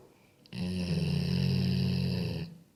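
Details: Sleeping Golden Retriever dog: one long, deep rumbling snore of about two seconds; snoring.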